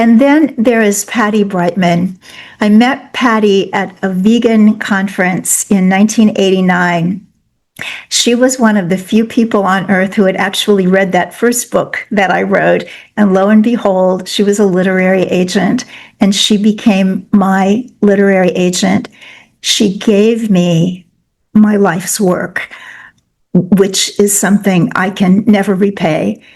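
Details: Adult woman speaking; ordinary speech.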